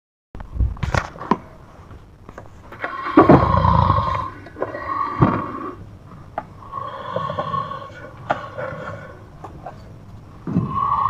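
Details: Very loud snoring from the recorder's brother while asleep: fluttering, rattling snores with a buzzing tone and clicks, several drawn-out breaths over eleven seconds; very heavy snoring.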